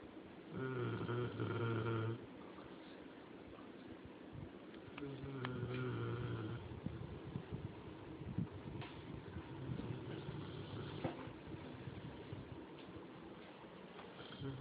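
Soft, low snoring breaths from a small dog, a few clearer snores early on then fainter breathing, in a quiet room.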